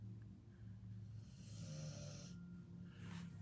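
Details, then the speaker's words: Dog snoring loudly, "like an elephant": a low, steady rumble with rough, noisy breaths rising and falling over a constant low room hum. "i can only imagine if you can hear my dog is snoring in the background oh my god it's like insane"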